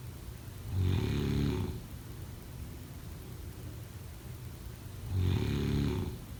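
Two deep, rattling snores about four seconds apart, with quiet breathing between them in a small room. Ordinary snoring during sleep.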